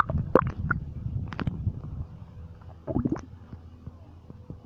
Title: Stomach Noises 2